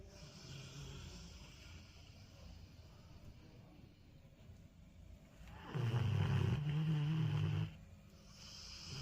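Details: Low, rumbling snore lasting about two seconds with quieter breathing around it, from a sleeper described as feeling secure and safe; snoring.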